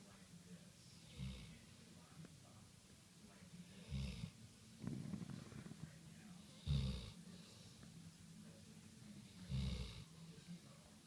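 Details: Mac, a golden retriever, snoring while being petted: low, rumbling snores with a light whistle, about 20 a minute, in a quiet room with a low hum.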